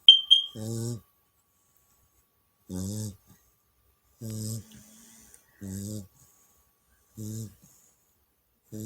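Loud, regular buzzing snores, about five in nine seconds, separated by silent pauses.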